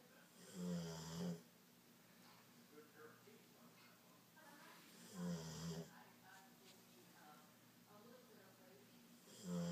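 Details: Dog snoring: low, fluttering snores on breaths in, about 14 a minute and somewhat irregular, over faint background sound; ordinary snoring.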